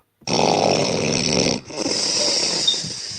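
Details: Woman asleep, called the snoring "champion": a loud, harsh rattling snore on inhalation, then a second, hissier noisy breath, heavy snoring.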